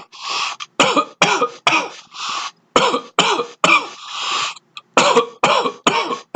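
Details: Adult's dry cough at the onset of a cold, no loose phlegm yet: a rapid run of about a dozen harsh, dry coughs with no wet rattle; squeaky chair may be audible.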